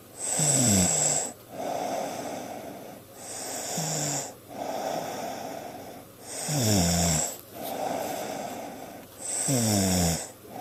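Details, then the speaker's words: Person snoring, recorded on a Flip Video camcorder at 9:19 on a Sunday: loud rhythmic snoring at about 20 breaths a minute, rattling on inhalation with a softer rush on exhalation. "This is in case you don't believe me about your snoring."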